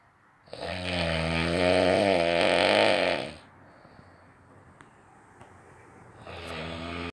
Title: Best snore ever